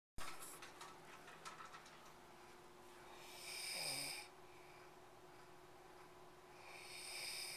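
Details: Snoring in a sleeping husband, recorded with a Flip Video camcorder: breathy snoring with a low rattling tone on inhalation over steady room hum.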